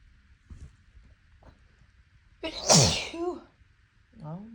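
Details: Allergy sneezing after grass cutting, with eyes watering: one loud, forceful sneeze after a quick inward breath, then a short voiced exhale.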